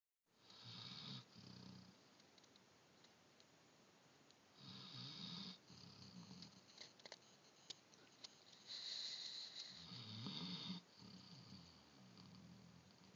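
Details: Snoring with hissing, rattling breaths on each breath, some with a whistling tone, in a quiet small room.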